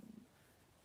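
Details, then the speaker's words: Adult's stomach gurgling and rumbling, attributed to hunger despite a good breakfast; stomach rumbling (borborygmi). "that was a loud one sorry if you can hear my stomach gurgling I'm rumbling I am literally starving I had good breakfast so there's no real reason for it"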